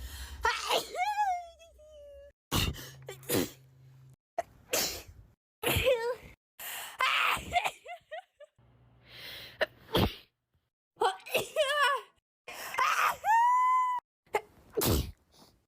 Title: natural sneezing comp